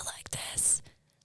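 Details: Woman imitating her earlier complete voice loss from laryngitis, which came 2 days after an event during a mono flare-up, a first for her; acted aphonia (imitated whispered voice).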